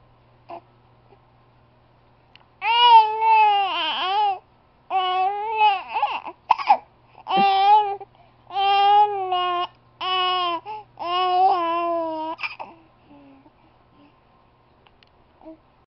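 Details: Infant crying angrily while having hiccups: repeated drawn-out wailing cries in bursts with short pauses between them; an ordinary infant cry.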